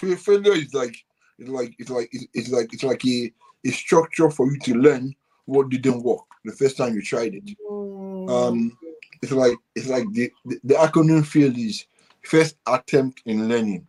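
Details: Adult man born with cerebral palsy affecting brain areas controlling movement and speech, which he attributes to high bilirubin at birth; dysarthria (cerebral palsy).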